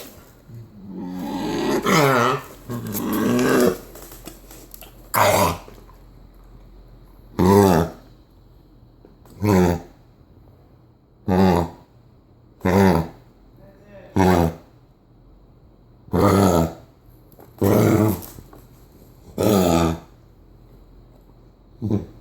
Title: Luke has Kennel Cough